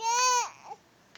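A single short, high-pitched cry from an infant, fading into a brief whimper.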